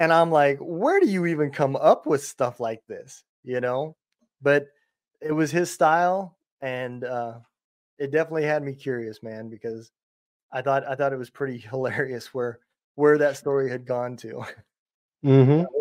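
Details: Adult man speaking; Normal conversational speech.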